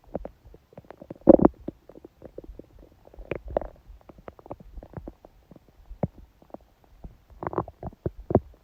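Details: Irregular gurgling, bubbling stomach growls with short loud bursts from a woman during her menstrual period, who feels only a dull ache: active bowel sounds.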